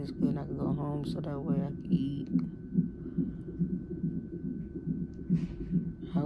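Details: Fetal heartbeat on a labor-and-delivery triage monitor at 34 weeks' pregnancy, mother with sharp pain and pressure; brief tonal sound then rhythmic whooshing about 143 a minute, described as very good and strong.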